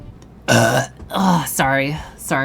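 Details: Repeated burping: two long, loud voiced belches with a short vocal sound after, amid groaning and "excuse me".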